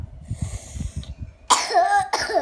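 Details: Young child coughing: two sharp coughs following a stretch of low, noisy breathing and rustle.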